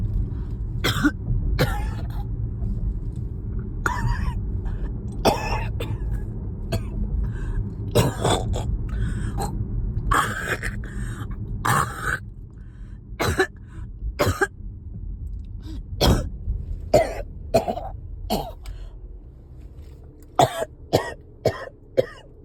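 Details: Riding in a car with phlegm stuck: prolonged coughing fit of about twenty harsh coughs with throat clearing; productive cough (coughing fit).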